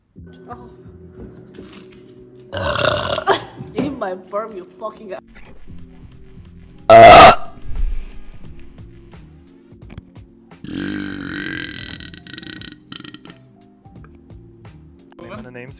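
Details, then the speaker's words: Female Twitch streamer burping: a loud, drawn-out belch among talk and background music, with a shorter burp-like sound later. "[Music] no oh my God that was disgusting I just coughed and burped sorry I was right here that was so loud"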